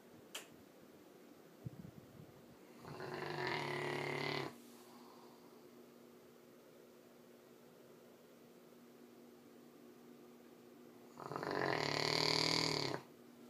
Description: Take a wild guess who can snore this loud!!!